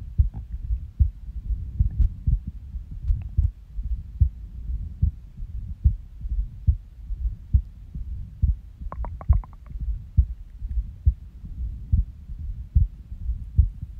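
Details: Soft low heartbeat about 70 a minute with uneven spacing and pauses plus a brief stomach gurgle, recorded at rest after waking from a nap; irregular heartbeat with skipped beats.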